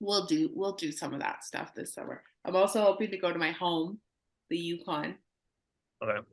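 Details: Adult woman speaking; no disorder.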